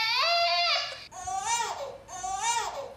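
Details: A normal newborn cry with three rhythmic, melodic cries, each rising then falling in pitch.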